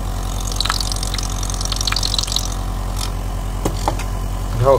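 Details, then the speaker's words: Nebulizer air compressor, used for inhalation sessions in respiratory and pediatric patients, running after maintenance for weak compression: steady low motor hum with a rapid pulsing rattle, smooth and quiet after oiling, with strong airflow. "هنجرب الجهاز دلوقتي ونشوف قوة الهواء بتاعته. طبعا الجهاز صوته ناعم خالص بعد التزييت والتشحيم."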